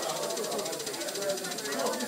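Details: Vortran percussive nebulizer run in a respiratory therapy lab, with a person inhaling through the mouthpiece, cheeks hard to control: rapid, even fluttering pulses with hiss, delivering pulsed airflow during inhalation.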